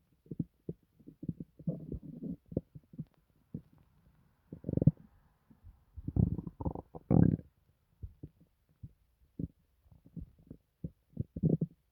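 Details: Loud, irregular abdominal gurgling, bubbling and low rumbling bursts with quiet gaps, from someone who says it doesn't hurt, feels fine and is better after a recent hospital stay; active borborygmi.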